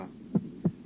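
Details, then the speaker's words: Normal heart auscultation at the base of the heart, where the second sound is louder than the first: two short low thumps, S1 then S2, over a steady low hum; normal heart sounds. "первый тон второй первый тон второй в норме у основания сердца второй тон громче первого"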